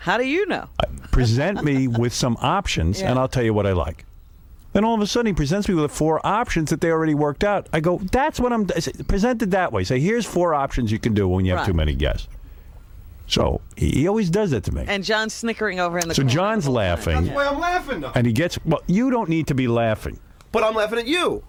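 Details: Adult men in conversation; typical speech.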